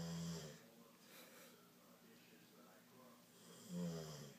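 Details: Dog snoring: two low rattling snores, one at the start and one near the end, separated by a quiet breathing pause; ordinary snoring.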